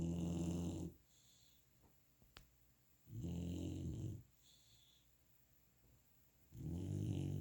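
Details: Golden retriever puppy asleep after a fun day of playing, with low rattling snores on each in-breath and quiet pauses between, roughly 18 breaths a minute; snoring.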